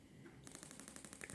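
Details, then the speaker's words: Gymna Shockmaster 300 radial shockwave handpiece for grade 2 cellulite on the leg, 1.6 bar, 12 Hz, 20 mm head with gel, sweeping up the leg: rapid even clicking bursts about twelve a second. "this is method number two where you run a series of shots up the leg stop come back down to the bottom and run our next series of shocks at the leg stop once again come back down"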